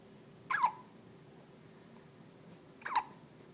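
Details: Two brief, sharp squeaky hiccups about two and a half seconds apart over quiet room hum, from someone described as having a rubber toy in their little tummy; hiccups.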